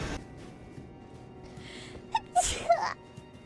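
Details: Streamer sneezing: a brief quiet gasp, then a burst of sneezes with small squeaky voiced sounds over faint background music; sneezing.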